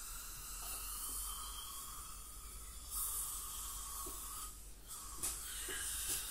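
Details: Teeth cleaning by a dental hygienist on a patient with heavy plaque and tartar, possibly scaling with gingival inflammation or full-mouth debridement: steady high hiss and hum of an ultrasonic scaler with water spray and suction.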